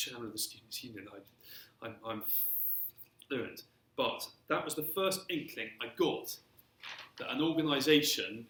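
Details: Stuttering in an adult man who has stammered since early childhood and throughout his career; stuttering (stammering).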